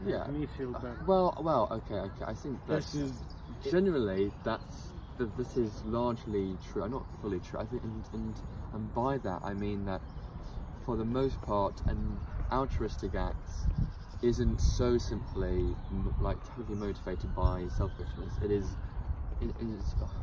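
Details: Adult man in a stammering support group who describes himself as a stammerer; spontaneous conversational speech; stuttering.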